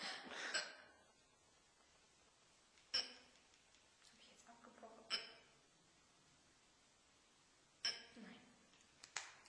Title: Pretty lady with a fast case of the hiccups. As seen on Youtube but edited